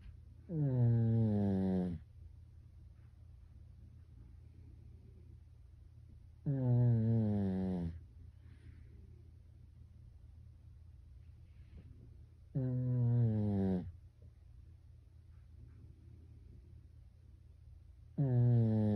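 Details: Sleeping Pekingese dog snoring like a human: loud, rattling snores on each in-breath, about 10 per minute, with quiet breathing between.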